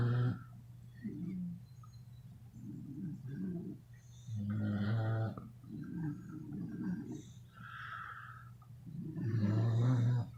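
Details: Several sleeping Beagles snoring with loud, rumbling, irregular, drawn-out bursts, about twelve a minute, over a faint room hum.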